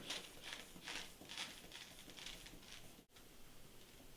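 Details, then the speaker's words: Blood pressure cuff being pumped up with a hand bulb, about two squeezes a second, with the stethoscope head under the cuff, inflating to the systolic estimate from palpation (about 100). "and then you will inflate the VP cuff"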